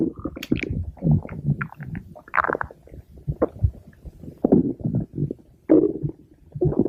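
Bubbling, gurgling rumbles and squeaks come in bursts, typical stomach growling from gas and fluid moving through the gut.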